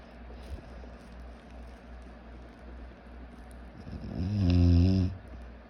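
A low, droning snore rises out of steady room hum near the end; a single snoring breath.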